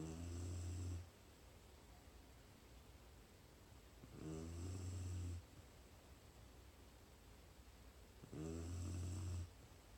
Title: More Snoring Dog